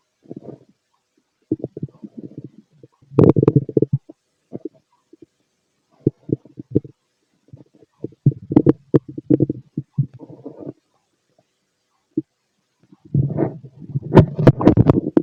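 Irregular low gurgles and rumbling bursts with quiet gaps between them: normal bowel sounds of an empty stomach.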